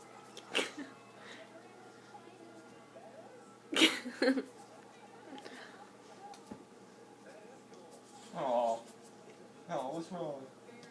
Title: Funny dog sneezing